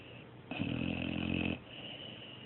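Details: Snoring: one loud, rattling snore lasting about a second against low background noise.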